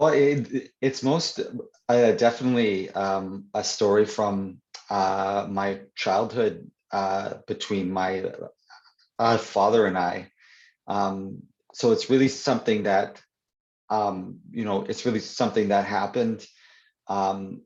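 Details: Adult man who stutters (stammers), in real conversation, who says his stutter is worse when reading aloud; stuttering.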